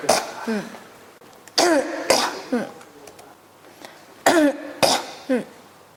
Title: 咳が止まらない 36 cough